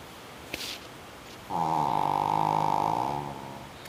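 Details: Snoring from a pug dog, likened to a motorcycle: after a brief sniff, a single loud, buzzing, rattling snore lasting nearly two seconds.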